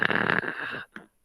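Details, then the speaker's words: First-aid class: imitated bubbly, snore-like gurgling breath of an unresponsive lying victim, indicating excess airway secretions and risk of drowning in them; used to guide airway aspiration/adjunct use. "se a pessoa tá roncando não isso é um tipo de ruído e o que quer dizer esse ruído que essa pessoa gente pode estar pode estar com excesso de secreção tá"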